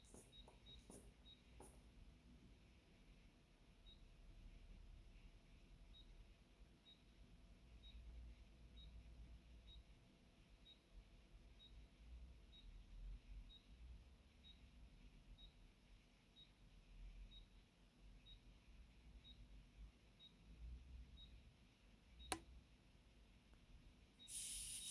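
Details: Automated blood pressure monitor measuring through clothing with Korotkoff sound detection: soft, regular ticks about once a second over a low hum as pulse sounds are detected during cuff deflation.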